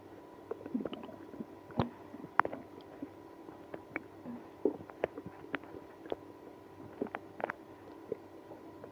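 Quiet gurgles, squeaks and clicks scattered over several seconds: active bowel sounds, stomach growling linked to irritable bowel syndrome.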